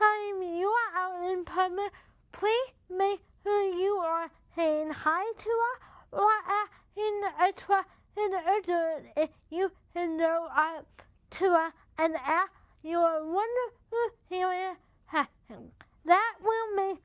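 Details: Dysarthria in a woman with cerebral palsy affecting her body muscles, including those of the mouth, making talking effortful.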